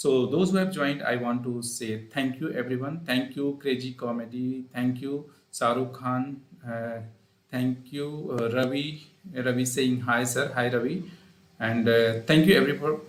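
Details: Adult male speaker; normal speech.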